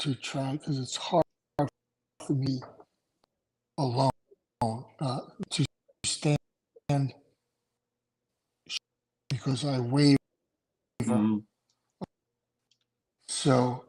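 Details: Adult male with aphasia after two strokes in November 2017, including a hemorrhagic stroke (brain bleed), with short-term memory problems, right-sided weakness, an unusable, numb right hand and 10 seizures since the stroke; real, not acted.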